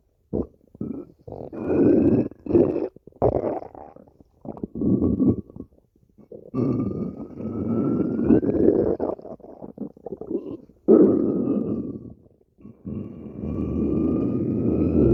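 Long, loud gurgling and groaning rumbles with rising squeaky tones, breaking into bursts: stomach growling, a normal bowel sound.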